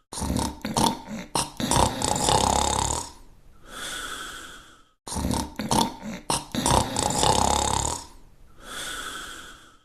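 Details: Simulated cartoon snoring from the animated series The Dog Crew (1990-1992): a series of snorts and rattling inhalations, then a whistling exhalation, played twice; a comic sound effect, not a real patient.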